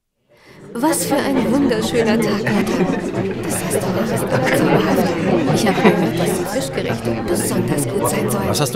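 Dense overlapping voices and restaurant clatter bury a conversation, the noisy starting point of a hearing aid demonstration.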